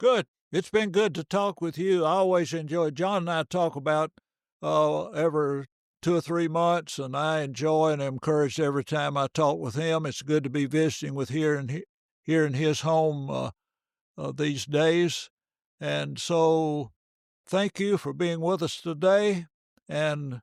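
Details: Adult male speaker; normal fluent speech.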